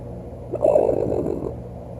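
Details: A pet raccoon asleep under a couch at night gives a single rough, gurgling, fluttering snort lasting about a second over a steady low electrical hum: snoring.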